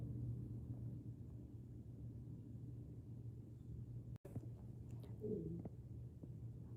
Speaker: Can you guys hear my stomach rumbling? I'm so hungry. I need to literally go eat right now.